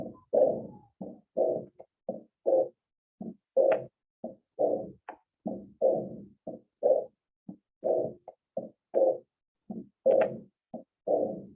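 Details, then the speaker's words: Repeating heart sounds recorded by stethoscope with an added extra murmur between main beats, in a patient with chest pain and shortness of breath, shown with phonocardiogram; heart murmur. "and the x is where i we hear this extra murmur um and the the phonographic visualization hopefully help you out guys out in terms of what we're dealing with"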